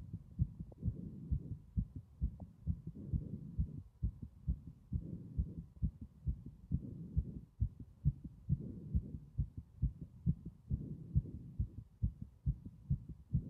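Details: Strong, regular low thumps in a steady lub-dub rhythm, roughly 68 beats a minute, loud throughout; ordinary heartbeat, strong heart sounds.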